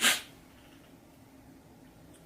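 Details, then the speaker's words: A man's single sharp, explosive sneeze during a rapid sneezing attack in which he sneezes about five times, followed by quiet room sound. "uploads uh it's you know for hold on excuse me pardon me I got okay I can't just sneeze once I got to do the five uh but yeah"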